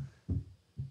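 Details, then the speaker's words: Heart sounds heard by stethoscope: low thumps with a sharp, much louder second sound, a "cannon-shot" loud, snapping P2, attributed to pulmonary hypertension. "Non, Là, l'intensité du deuxième bruit est bien plus forte. C'est un petit coup de canon."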